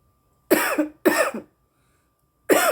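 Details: Woman smoking cannabis: three short, harsh coughs, two close together and then one after a pause; an irritant cough after smoking.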